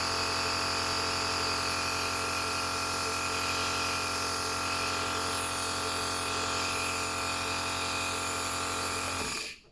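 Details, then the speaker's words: Steady loud mechanical hum and buzz of an Omron C102 Total compressor nebulizer running with mask attached, then switching off at the end; normal operating sound. "so if you've done this this step then just put on the top The Mask so it is done just switch on the compressor unit via the main button"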